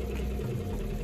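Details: Hillrom high-frequency chest wall oscillation vest slowed to about 10 Hz on a patient during chest physiotherapy: low, steady buzzing rumble as the vest shakes the chest.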